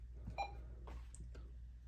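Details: A single short electronic beep with soft room noise and small clicks: a home dialysis machine's prompt tone during takedown after cassette removal and door latching, before the finish screen.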